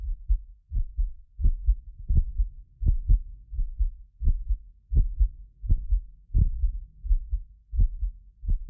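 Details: Real heartbeat of a medically fit person recorded with multiple precision contact microphones: regular low thumping at about 86 beats a minute, occasional doubled clicks from a ~6 ms delay between microphones, not heart disease; normal heart sounds.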